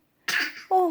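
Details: 8-month-old baby boy's early-morning voluntary fake cough to get mother's attention: a single short, deliberate cough ending in a brief voiced sound.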